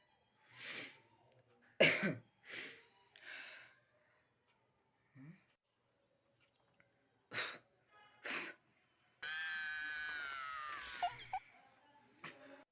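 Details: Several short explosive bursts with sharp intakes like repeated sneezes, then a strained drawn-out vocal sound, faint room noise; comedy joke clip, likely staged.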